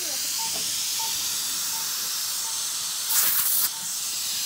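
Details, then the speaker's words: High-speed dental handpiece with water spray doing interproximal reduction to clear the contact in a stainless steel crown prep: continuous high-pitched hissing whine, rising briefly as the bur cuts. "And I will prep interproximally. you have to clear the contact."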